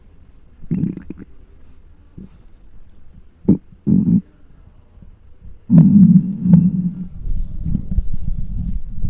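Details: Low gurgling and rumbling bursts of varying length, recorded with a microphone on a very hungry adult's belly: borborygmi, loud normal hunger bowel sounds.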